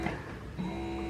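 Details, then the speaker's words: Spectra M1 electric breast pump, newly assembled with two bottles connected and running on its charged battery, just switched on: a low steady motor hum with a faint rhythmic tone. "because it's already charged so I just switched it on and start to pump"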